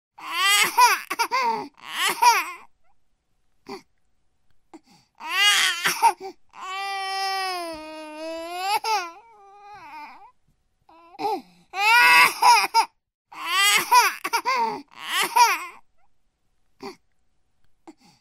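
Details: 9-month-old baby crying: rhythmic bursts of loud crying with a sustained wail in the middle, separated by brief pauses for breath; infant crying.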